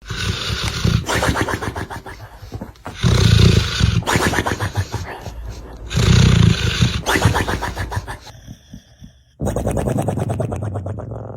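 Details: Napping dog snoring: very loud, harsh, rattling snores on both in-breaths and out-breaths, roughly 20 breaths a minute.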